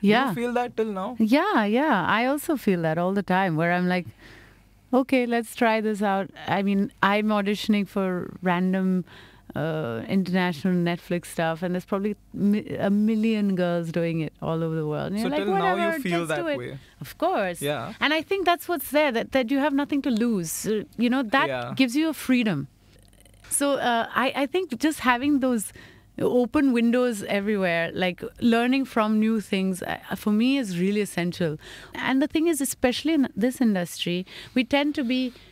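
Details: Adult woman speaking; typical speech.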